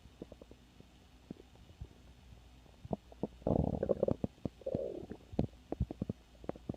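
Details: Stomach growling (borborygmi): low gurgling and bubbling rumbles with a louder burst in the middle, from gut movement.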